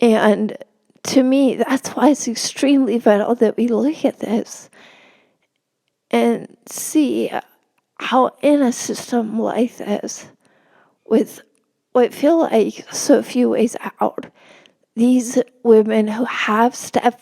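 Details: Real spasmodic dysphonia in a woman, a reporter, speaking as an interview guest; finding: spasmodic dysphonia.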